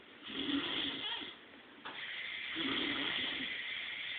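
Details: Sleeping dog snoring on day 1, with two raspy, fluttering breaths a few seconds apart, loud on the in-breath.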